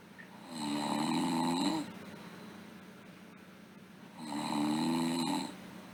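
Two steady, buzzing snores on the in-breath, each over a second long, separated by quiet breathing out.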